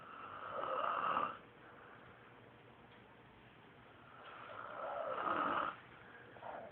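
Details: Sister's boyfriend asleep after a rough day, snoring: two long, rough, rattling snores on slow breaths with quieter pauses between them; someone is heard teasing in the background.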